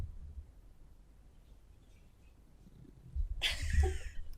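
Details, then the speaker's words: Luna, a pet sleeping deeply behind the speaker with a microphone moved up to her muzzle, snoring: quiet low rumbling, then one loud snorting breath near the end. "moimi plecami słychać Lunę które chrapie więc jeżeli usłyszeliście takie dziwne odgłosy To nie ja bo zresztą słychać że ja cały czas mówię to Luna która śpi za moimi plecami"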